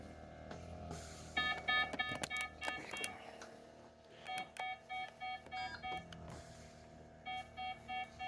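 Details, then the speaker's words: Repeated electronic beeps over room clatter: a monitor's first-level low heart-rate alarm (threshold 50) in a woman with 22q11.2 deletion syndrome and status dystonia after neuro physio; heart rate 50, SpO2 96% on an oxygen concentrator, BP 100/61. "Now we're seeing obviously and hearing the alarms go off for the heart. This is the first stage, first level heart alarm. The threshold set to 50, where my panic point will come in if it goes below 40."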